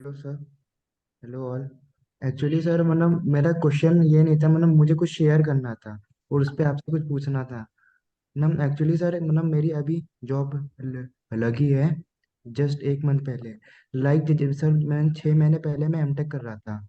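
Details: 24-year-old man who stammers, rating his severity himself as medium or lower, speaking Hindi; stuttering.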